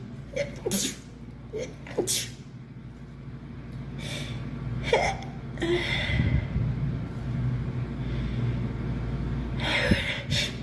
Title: Girl sneezing 6